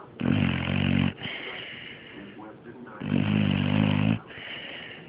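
Loud, low, buzzing snores on two breaths in with quieter breaths out between; snoring in sleep.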